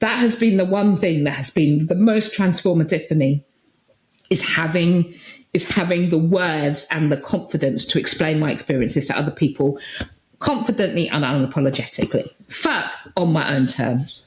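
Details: Adult woman with Tourette syndrome, with tics since about age 6 that intensified in her early 20s; vocal tics of repeated words and sometimes swearing (coprolalia).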